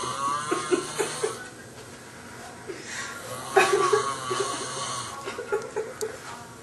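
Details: Sleeping man snoring loudly enough to keep others awake and not waking when hit with a pillow: loud, rough snoring with snorting breaths, background voices and laughter.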